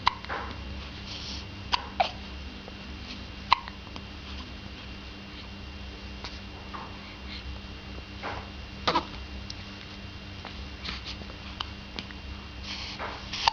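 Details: Infant with hiccups: brief sharp clicks repeating every second or two over quiet room noise.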